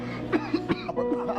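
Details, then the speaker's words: Two or three short, sharp acted coughs from an adult in a comedy coffee-shop skit, with music in the background; the cougher claims not to be sick, only choking on a drink; cough. "Yo, you know how disrespectful it is for you to be coughing?"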